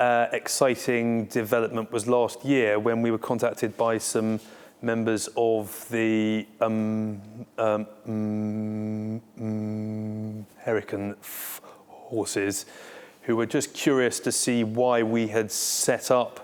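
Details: Stuttering (stammering) in a male Armed Forces serviceman who stammers and co-founded a defence stammering network.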